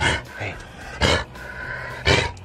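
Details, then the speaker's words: Dog with kennel cough that won't eat and keeps standing in the same position: three harsh, honking cough bursts about a second apart, typical of kennel cough. "so now samson has kennel cough i'll call the vet first thing in the morning"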